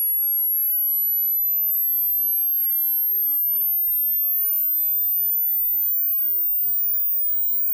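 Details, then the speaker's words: Pure tone at near-audible volume, part of a 60-second frequency sweep from the lowest to the highest pitch the human ear can hear, for tinnitus pitch matching. "así que mantengan el volumen ajustado para que el sonido sea casi audible y durante los próximos 60 segundos escucharán. el sonido más bajo que el oído humano puede escuchar hasta su tono más alto"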